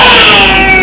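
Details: Brief high-pitched, musical noisy breath from a child: stridor, here from a vascular anomaly narrowing the airway.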